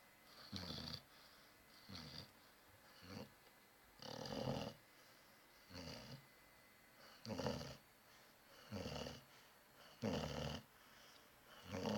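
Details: Sleeping dog snoring softly and rhythmically, about ten snorting breaths in twelve seconds, some irregularly spaced; snoring.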